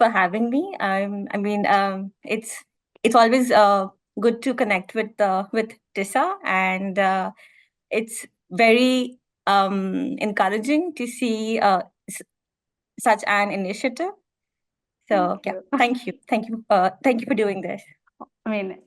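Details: Stammering in an adult woman, real speech.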